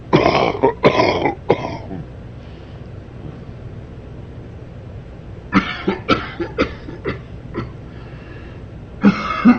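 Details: Man coughing during sleep: two clusters of short, harsh, repeated coughs separated by a quiet pause.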